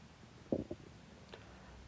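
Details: Man's stomach growl: a brief low gurgling rumble, ordinary borborygmi.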